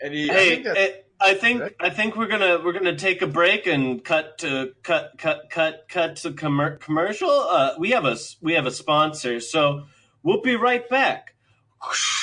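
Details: Adult male speaker; disfluent speech in cerebral palsy.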